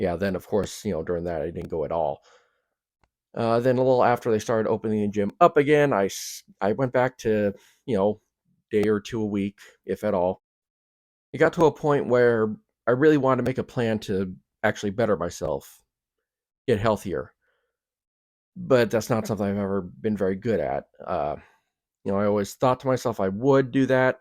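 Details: Stuttering in an adult man who also has Tourette's syndrome, Asperger's syndrome, ADHD and OCD.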